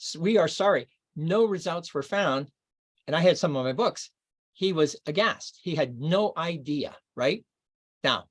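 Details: Archival recording of an adult man reading aloud within two years of a left-hemisphere stroke in Broca's area; expressive aphasia with paraphasias and poor reading ability.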